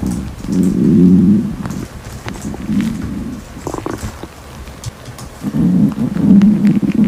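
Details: Hungry girl's stomach growling: deep, drawn-out rumbling and gurgling from the belly in two long bouts; ordinary hunger borborygmi.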